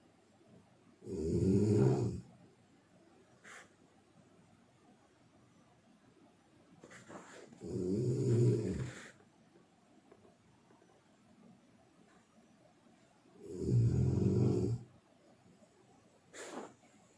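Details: Three loud, low, rattling snores spaced about six seconds apart, with quieter breaths between them; snoring.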